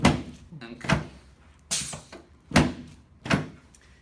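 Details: Woman with sacroiliac joint pain, side sleeper with bilateral sacral deviation, normal reflexes, during chiropractic adjustment of the left SI joint: five sharp dull thuds about a second apart.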